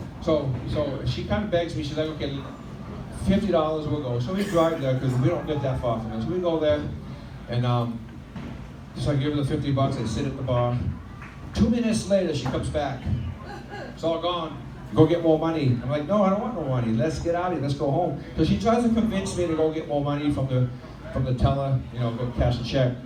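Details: Adult male stand-up comedian performing live, stuttering since childhood after 15 years of speech therapy; he says it is milder on a microphone and worse when nervous or with one person, hardest on vowel-initial words like 'I': stuttering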